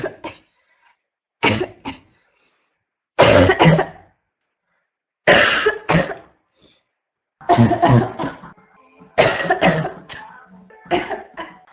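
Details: Adult woman coughs repeatedly in harsh, barking bursts, often in pairs, with only brief pauses; constant barking cough.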